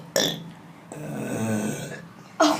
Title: Burping competition